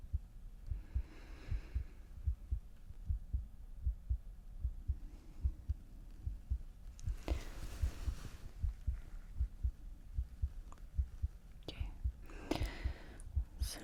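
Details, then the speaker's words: Simulated ASMR roleplay preoperative exam by an anesthesiologist: stethoscope on the chest over heart and natural breathing, with faint, soft normal heart thumps at about 75 a minute and rustling noise. "Starting with listening to the chest, okay? So, you don't need to do anything here yet. I'm just gonna listen to your heart beating and your natural breathing."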